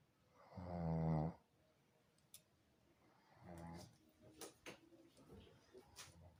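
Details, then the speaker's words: Adult man with fever and body aches, sleeping after dinner; he snores habitually, louder today because he is unwell; snoring. "দেখেছো তো কিভাবে নাক ডাকছে শরীর ভালো নেই তো আর এমনিতে ও নাক ডাকে"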